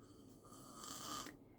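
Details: Husband snoring in the background while someone reads aloud: a faint, rough snoring breath swells and fades in a quiet room.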